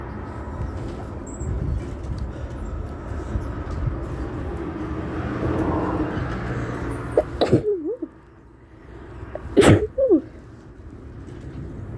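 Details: Female with tree-pollen allergy sneezing for a week, trying to stifle sneezes at a bus stop: two short, sharp, quieted sneezes over steady outdoor traffic noise.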